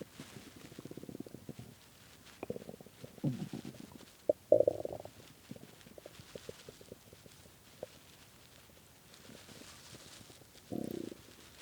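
Low gurgling and rumbling bursts with a few louder growls from an empty stomach. This is normal hunger growling.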